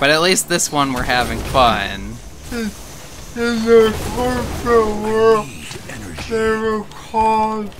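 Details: Adult man, a father with cerebral palsy; dysarthric speech in cerebral palsy.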